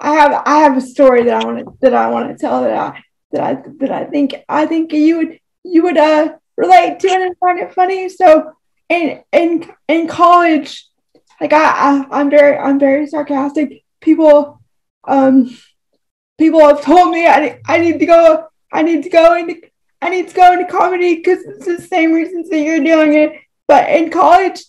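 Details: Woman with cerebral palsy who uses a wheelchair and says her disability is evident when she talks; real speech; finding: dysarthria.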